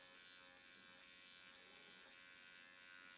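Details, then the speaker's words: Steady high-pitched electric buzz of a handheld AOS Nano Pen on its lowest blue setting running against the skin, faint room noise, infusing serum over the user's own mouth and lip area at home. "It's not painful at all, and yet it really does increase that permeability of the skin to get these great serums into the skin."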